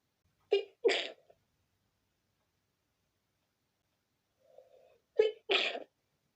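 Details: Sudden uncontrollable sneezing fit: two pairs of sharp sneezes in quick succession, each preceded by a brief inhaled catch.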